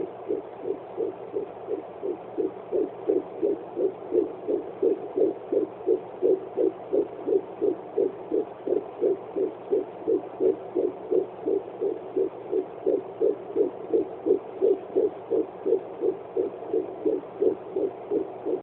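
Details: Fetal heartbeat on Doppler at 12 weeks of pregnancy: rapid, regular whooshing pulses of about 170 beats a minute.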